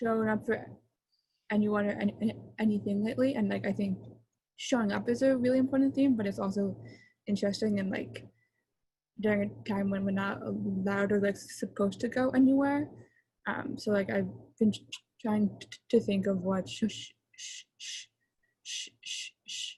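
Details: Young female who stutters, attending her sixth convention for young people who stutter, with sound and word repetitions; stuttering.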